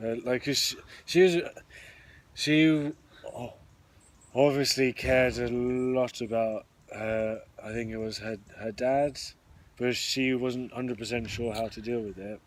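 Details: Stuttering (stammering) in a podcast co-host who openly discloses stammering.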